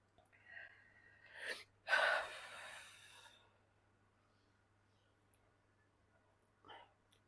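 A quick inward breath, then one forceful, breathy sneeze fading out, followed by quiet.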